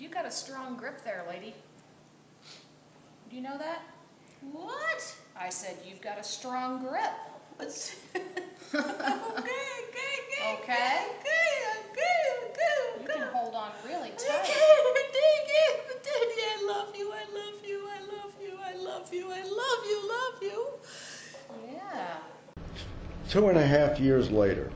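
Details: Woman with dementia diagnosed at age 53, type undetermined (Lewy body, frontotemporal or Alzheimer's), recorded soon after moving to assisted living while still able to walk; fragmented, repetitive speech in dementia.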